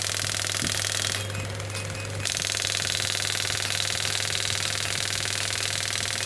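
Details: Biotronix pneumatic ballistic radial shockwave therapy (ESWT) machine at 10 bar, probe fired in demonstration with frequency being adjusted: hard, regular jackhammer-like rattle about 240 pulses a minute over a low steady hum.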